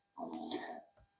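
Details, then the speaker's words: Brief gurgling stomach rumble (borborygmi) of about half a second, then a faint second gurgle, in a quiet room while an adult woman talks about knitting; she apologizes for her stomach rumbling. "I'm so sorry. That was my stomach rumbling. I hope you didn't hear that."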